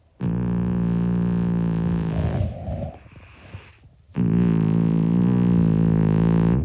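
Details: A 25-year-old calico cat snoring loudly in sleep: loud, low buzzing snores of about two seconds each, separated by quiet pauses. Finding: snoring.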